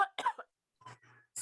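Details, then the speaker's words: Sound example in an English vocabulary lesson, defined as the sharp sound of air expelled from the lungs: a few short, sharp bursts of air with a brief pause between them. Cough. "Cough or no? Excellent. Yeah, so this is cough. Perfect. Cough."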